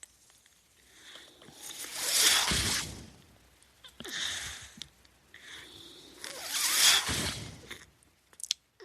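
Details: A man's mechanical ventilator heard while he speaks: rhythmic airy whooshes, about two cycles in nine seconds (roughly 13 a minute), with faint clicks as breaths are delivered.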